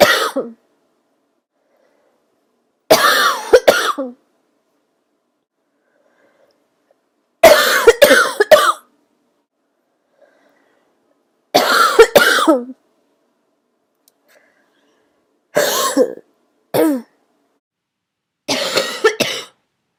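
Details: An adult, while sick, whose throaty cough turned barking for the first time: harsh, hoarse coughing bursts, some with a deep barking quality, between quiet pauses.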